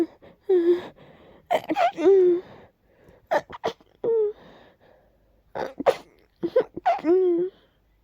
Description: That one sneeze was a little stuck but eventually the sneezes won 🤧